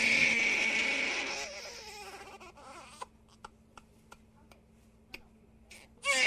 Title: Som de bebe chorando - Sound of crying baby 4:11 minutes